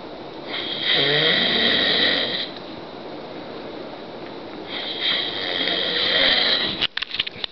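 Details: Adult man snoring at 2–3 a.m., keeping the recorder awake: two long, loud, harsh snores with a whistling edge about four seconds apart in a quiet room. Heavy snoring.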